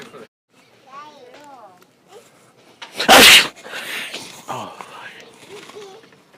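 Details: Deliberately exaggerated, acted sneeze in a prank inside a store: a short breath in, then one very loud, explosive sneeze, with brief talk and store noise around it.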